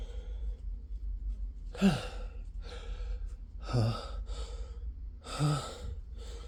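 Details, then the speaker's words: Three quick gasping inhalations, each ending in a short, breathy sneeze-like burst, in a quiet room; person repeatedly sneezing with the flu, saying they feel another sneeze coming. "um so it's an easy I feel another sneeze I really really have to sneeze"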